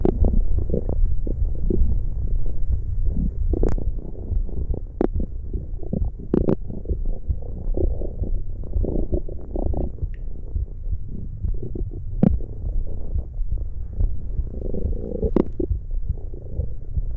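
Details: ASMR recording of stomach growling: low, continuous gurgling and rumbling with occasional sharp clicks; ordinary bowel sounds (borborygmi).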